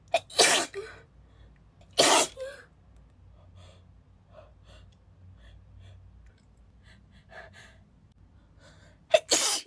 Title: Breathy spray sneezing fit (F)